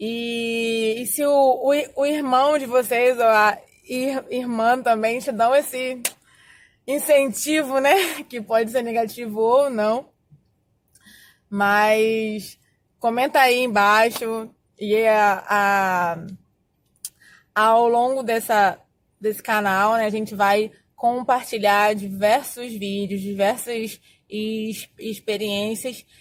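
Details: Adult Portuguese-speaking woman who says she has stuttered for more than 20 years; stuttering.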